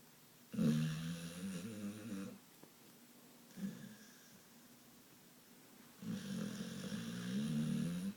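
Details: Pit bull snoring heavily: two long, rumbling, vibrating snores with a softer snuffle between them in a quiet room.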